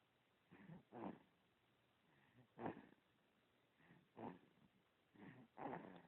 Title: Lil Sammy snoring